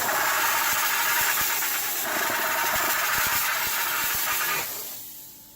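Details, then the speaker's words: Reliable 5000 dental lab steam cleaner (50 PSI, up to 221°F) in an orthodontic lab, whose first burst spits water: loud continuous hissing steam spray with rattling pulses, cutting off near the end. "the very what you do is you hit this button here the very first stream that comes out a lot of water so you want to catch that magic see the lawless team does a good job cleaning"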